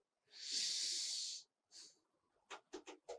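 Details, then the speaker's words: Normal vesicular breath sounds on chest auscultation, as heard in any healthy person: soft rustling with a long inspiration and a short, quieter expiration, no gap between them, inspiration-to-expiration ratio 3:1, unlike tubular bronchial sound over the trachea. "the inspiration was so long and expression is so small and there is no Gap so this is vesicular and the above was bronchial sound okay"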